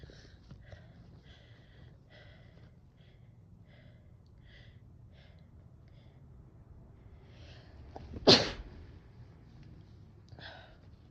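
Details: Sneezing induced with chhinkni to relieve head-cold congestion: one loud sharp sneeze after quiet breathing and a brief inhale, then a smaller sniff or follow-up burst; cold sneezes.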